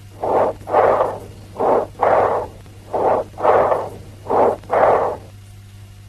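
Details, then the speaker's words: Stethoscope diaphragm, patient sitting or standing: expiration louder, higher pitched and as long as or longer than inspiration, with a pause between them, loud high-pitched blowing quality; bronchial breath sounds. "s. In bronchial breath sounds, the expiration is louder and higher pitched than inspiration. Expiration is as long as or longer than the inspiration."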